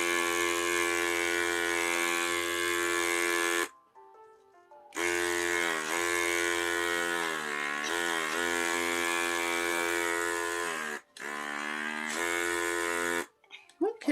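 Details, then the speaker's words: Baby girl nearly one year old, saline sprayed first, then a NeilMed battery-operated electric nasal aspirator: steady buzzing motor hum with gurgling, ratchet-like pulsing as it suctions; background music. "so let's spray some sailing in her nose sorry I know spray some ceiling go ahead and suction it out good"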